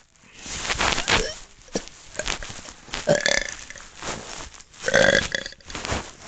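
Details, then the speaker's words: Person trying on purpose to do a big burp: a run of loud, drawn-out, voiced, rumbling belches separated by brief pauses. "oh wow this is really hard to do a burp i'm telling that right now oh tell you there's going to be a big burp that's for sure there it is"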